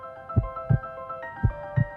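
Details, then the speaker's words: Regular heartbeat of an adult heard through a digital stethoscope, steady paired thumps about 55 per minute over background music, with the person talking; normal heartbeat. "अभी आपकी heart beat सुन रही है। Heart beat है और अब मैं बात कर रहा हूं।"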